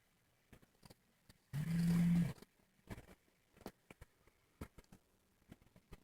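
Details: A person snoring: one loud, harsh, rumbling snore lasting about a second, then quiet breathing noises and small clicks.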